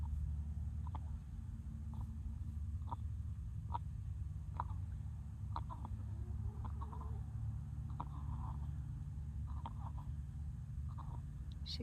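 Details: A hen with wheezing makes short, raspy clicking breaths about once a second over a low background rumble: raspy breathing, or wheeze, in a chicken.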